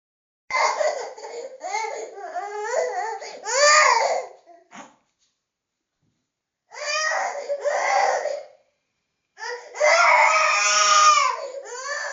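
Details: Angry baby crying sound effect: loud, strained infant crying in repeated bursts with pauses for breath, a vigorous angry cry.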